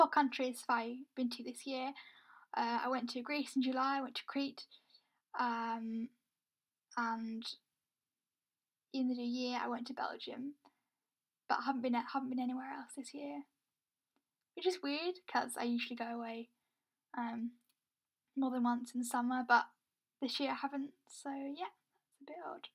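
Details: Young adult woman who reports having a stammer; stuttering (stammer).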